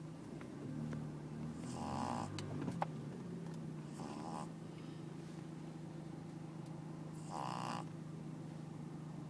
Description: Pug snoring